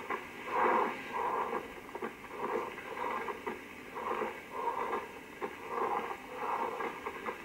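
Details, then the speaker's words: Pleural friction rub in a lung auscultation teaching recording: coarse creaking, grating sounds in pairs with each breath in and out. Attributed to inflamed, fibrin-coated pleural surfaces rubbing. "riction wrap hurts through inspiration and expiration and is differentiated by intensity location and duration if patients have some commissures bands between pleural lures at the focus of inflammation or when fibrin deposits self-inflammated pleura to make a surface route in"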